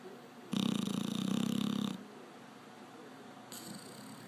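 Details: Sleeping Labrador snoring: one long, loud, rattling snore lasting over a second, then a softer breath.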